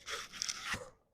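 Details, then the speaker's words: First Advanced Biostructural Correction chiropractic treatment, patient standing against the wall, head down, falling forward in a leverage-type spinal maneuver letting adjacent bones slide back: brief crunching crack; joint cavitation during spinal adjustment. "So it's more like a leverage type maneuver. Instead of pushing that bone forward, we're letting the bone above it or below it slide back."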